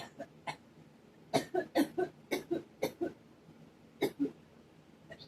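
A series of short, dry cough bursts, some in quick pairs, about nine in all; coughing attributed to pollen allergy.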